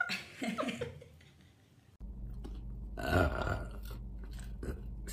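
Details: Woman burping: a few low, gurgling belches with short gaps between them over some room noise; ordinary burping.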